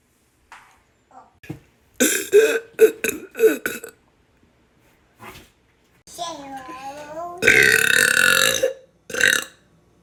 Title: Burping! Follow, like and subscribe 😹 my TikTok in the bio as well